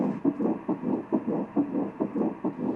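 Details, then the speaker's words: Early fetal heartbeat on Doppler during a surrogacy pregnancy ultrasound, with the embryo measuring normal size: rapid, regular whooshing pulses at about 140 beats a minute. "amazing so we can actually hear the heart beating here"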